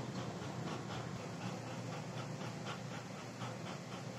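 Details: Dr Morepen automatic blood pressure monitor, cuff on the left upper arm, button pressed: steady low motor hum with faint ticking as the cuff pump inflates.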